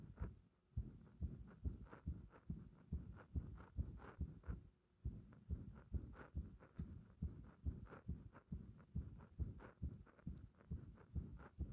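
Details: Heart sounds with frequent arrhythmia felt as a bursting sensation in the heart: fast, muffled beats about 140 a minute, unevenly spaced with brief pauses, indicating an irregular rhythm with frequent extra beats.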